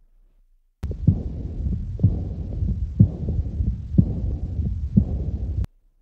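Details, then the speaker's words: Aortic regurgitation murmur heard at the right second intercostal space and radiating to the left third intercostal space: a soft rushing murmur between beats of a regular heartbeat of about 61 per minute. "see the marmar originating from right second intercostal space the sound radiates toward the left third intercostal space it is indicative of atic"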